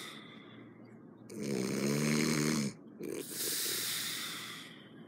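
A loud, harsh, vibrating snore on the in-breath, then a noisy rushing breath out. Heavy snoring.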